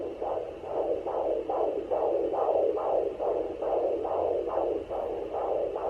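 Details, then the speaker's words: Rapid, regular whooshing pulses at about 140 a minute over a steady hiss, picked up on a home Doppler at 29 weeks 3 days of pregnancy, with placental sound noted and the baby also hiccuping; fetal heartbeat. "find his heartbeat one more time. Obviously it's there, but sounds like placenta."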